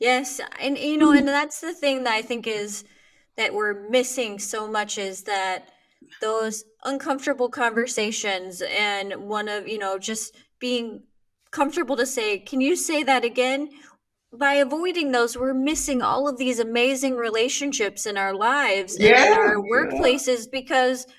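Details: Adult woman; typical speech.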